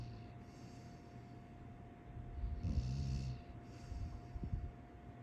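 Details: Snoring at 7:30: a low, rough, snort-like snore rising mid-clip over a steady background hum.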